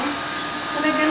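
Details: Child sleeping through their first dental teeth cleaning: steady airy hissing whoosh with a faint whine from the dental suction running; dental suction.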